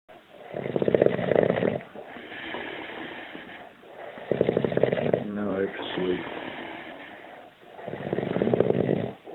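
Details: Adult man snoring while asleep on a group tour with shared rooms: loud, rough, rattling snores in repeated bursts with quieter breaths between; snoring.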